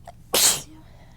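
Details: Person with an irritated nose, whose usual sneezes are small "kitten sneezes", giving a big sneeze after a buildup: a brief indrawn breath, then one loud, explosive sneeze.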